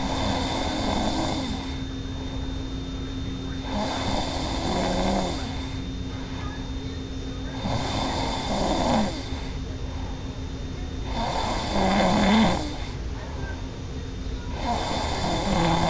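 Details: A sleeping adult woman snores loudly and roughly at about 17 breaths a minute, with a steady hum behind.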